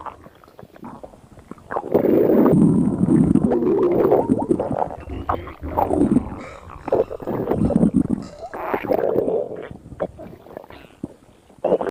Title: Skinny girl stomach growling and rumbling